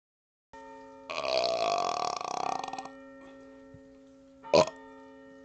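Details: Burping outdoors on a 2nd-floor porch during a cold snowstorm: a long, drawn-out rumbling burp followed by a short second burp over a steady hum.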